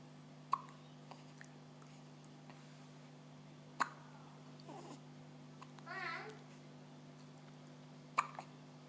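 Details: 13-day-old newborn boy with hiccups: three sharp, brief catches at irregular intervals in a quiet room, with soft infant noises.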